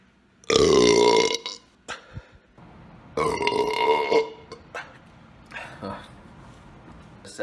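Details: Burp collection: two prolonged, loud, throaty belches about two seconds apart, with quieter voice sounds between; ordinary burping.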